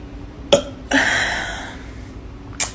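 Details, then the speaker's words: Young woman burping deliberately on command after an Irish coffee: a sharp click, then a long, voiced, rumbling belch lasting about a second, with room noise; burping. "I'm way better at it on command to all the people that say burping isn't ladylike and"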